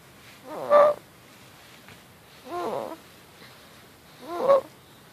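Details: A 4½-month-old infant with noisy breathing, with mild retractions and no signs of respiratory distress: high, musical crowing on each breath in, about 30/min, suspected inspiratory stridor.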